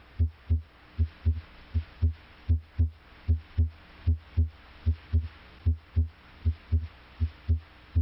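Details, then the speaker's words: Teaching recording of normal heart sounds: regular paired lub-dub at about 78 per minute, S1 from mitral closure and S2 from aortic valve closure; normal heart sounds, focus on S2. "the first sound s1 arises from closure of the mitral valve bicuspid valve closure may also contribute to s1 the second sound as to arises from closure of the aortic valve"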